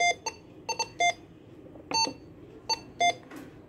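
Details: An LPM 904 cardiac multiparameter patient monitor in demo mode gives short electronic beeps of varying pitch with faint button clicks while its alarm limits, alarm sound and volume settings are shown.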